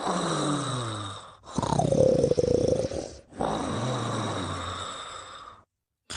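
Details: Long, loud, rough snoring breaths during sleep, with a deeper rattling middle breath, about three in six seconds: snoring.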